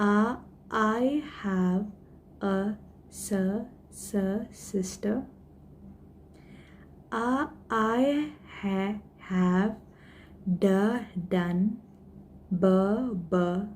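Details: Woman who stammers, introducing herself using the bouncing technique, a deliberate stammering management technique; voluntary stuttering (bouncing technique).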